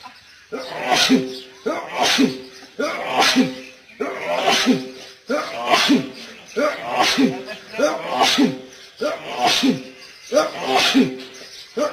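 About ten sharp sneezes in quick succession, each with a brief in-breath first; a run of repeated sneezing.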